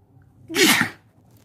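One loud, sharp sneeze with a brief voiced burst, heard against a quiet room hum.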